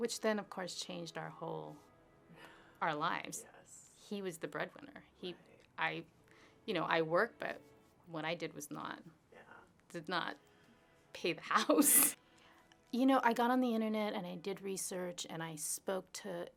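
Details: Adult woman speaking; Ordinary speech.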